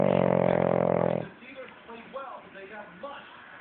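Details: Loud snoring: a loud rattling, buzzing breath sound, then quieter breathing with faint background noise.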